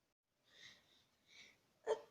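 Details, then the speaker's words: "Light sneeze" performed in a demonstration of sneeze types: soft, breathy intakes followed by a brief, sharp sneeze burst. "The light sneeze."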